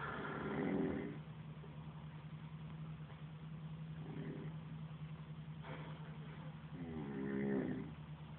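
Loud rattling snores on each breath in, with a steady low hum behind them.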